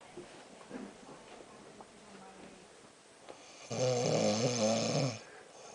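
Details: Pregnant woman snoring in her sleep: quiet room sounds, then one loud, vibrating snore on an in-breath; snoring.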